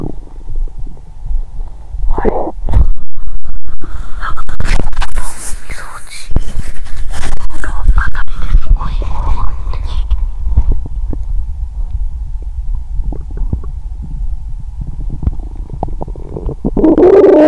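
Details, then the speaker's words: Gurgling and rumbling with irregular bubbling and squeaks over a steady hum, from an abdomen warmed under a blanket; borborygmi. ""जब मैं अपने पेट को कंबल से गर्म करता हूं, तो मेरा पेट जोर से कराहता है, इसलिए मैं इसे इस अवस्था में रिकॉर्ड करता हूं।""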